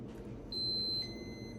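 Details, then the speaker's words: A steady high-pitched electronic alarm that starts, holds, then shifts pitch: an Infinity Moog enteral feeding pump alarming for no flow out, used for a child's tube feeding. "it's saying there's no flow out so when it gets to here it can't go out um and when you if you push the prime button you'll see it's like stuck it goes back and forth"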